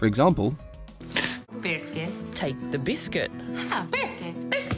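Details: Simple vocal tic in Tourette syndrome, given as an example of a simple vocal tic, a repeated word.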